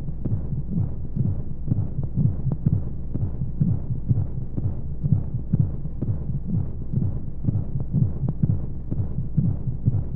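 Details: Womb sound played as a baby sleep aid: steady muffled low double heartbeat thumps, about 125 a minute, under a soft white-noise hum; heartbeat.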